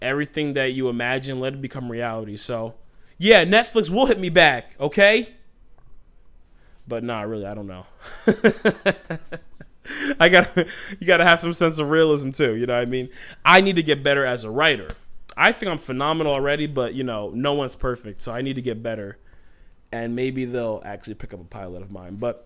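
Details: Adult man who has stuttered since childhood; it shows when he talks fast or gets passionate, and he tries to keep it under control by deliberately talking slowly. Stuttering.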